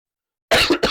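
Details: Two short, harsh coughs in quick succession after silence, from an adult sick for nine days; a plain cough.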